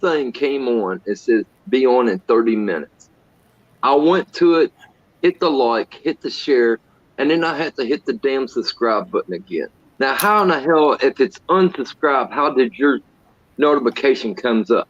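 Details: Adult male speaker; normal speech.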